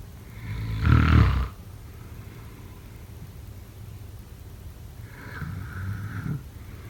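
Two low, rattling snores a few seconds apart, with quiet breathing between them.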